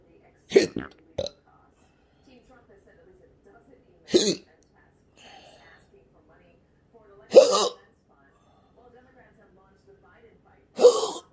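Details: Short sharp hiccups recurring every three to four seconds, about 17 a minute, in a quiet room; chronic intractable hiccups since 2015 with breathing and choking spasms, often 20–60 per minute for hours to days; recorded November 2020.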